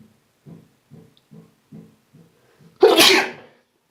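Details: Sneeze induced with a Q-tip: a run of short quick inward breaths builds up, then one loud explosive sneeze bursts out; sneezing.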